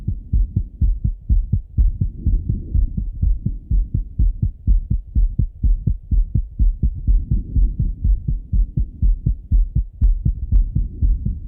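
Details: Male heart auscultated with a stethoscope by himself after coming home from a run: fast, regular, strong heartbeats at about 125 a minute, normal heart sounds quickened after exercise.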